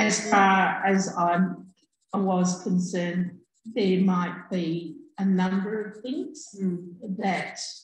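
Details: Adult woman with aphasia after a stroke in August 2020, who could only say "um" at onset; she still has word-finding difficulty and delayed speech output; finding: aphasia after stroke.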